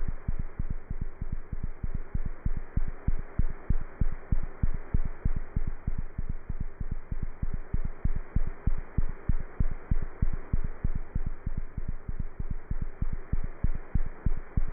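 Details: Cat's heart heard through a stethoscope: rapid, steady, low thumping heartbeat; cat heart sounds.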